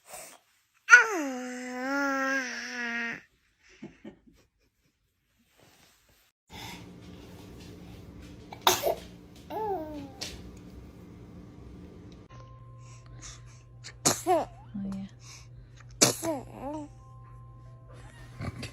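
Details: Babies sneezing: several brief, sharp little infant sneezes between cries and babbling, with adults saying "bless you" and background room noise; ordinary infant sneezing.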